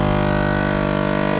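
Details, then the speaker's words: Laerdal LCSU portable suction unit with vacuum turned up fully: loud steady motor drone with a low pulsing hum; a suction unit running at high vacuum. "turning this up on this side will only create a larger vacuum it won't create suction faster it's always at the same rate"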